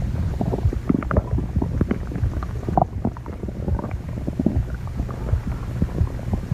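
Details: Continuous low rumbling with bubbling gurgles throughout: stomach growling (borborygmi).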